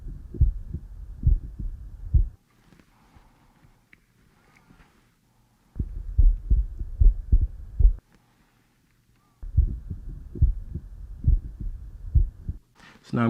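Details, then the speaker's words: Stethoscope heart auscultation while the patient breathes normally: regular low heart thumps at about 72 beats a minute. Finding: normal heart sounds. "okay now just breathe normally I'm going to listen to your heart now"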